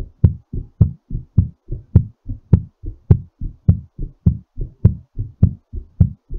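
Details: Strong, steady lub-dub heartbeat at about 100 beats a minute, a fast rate while recovering from exercise; heartbeat during recovery after exercise.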